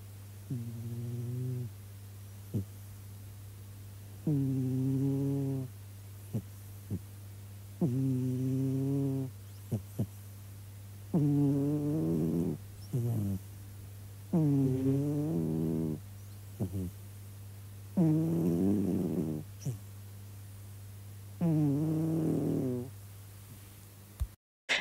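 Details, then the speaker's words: Sleeping cat snoring with rhythmic, tonal, buzzing breaths at about 17 per minute over steady room hum; snoring. "c'était les ronflements de le chat. Vous ne vous attendiez pas à ça bon bref, allez on commence la vidéo."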